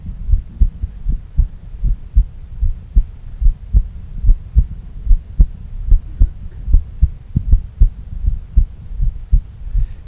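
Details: Stethoscope chest recording played through a speaker: steady, low heartbeat thumps at about 75 a minute with a soft, decreased first heart sound; the brief glitch near the end is a recording artifact of no significance.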